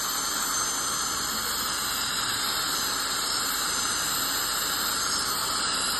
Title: Dental Scaling Clean Airflow Dental Hygiene 2